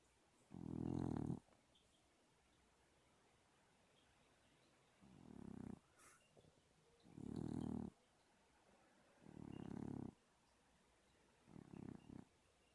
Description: Sleeping kitty, snoring kitty. Snore. Snore. Snore.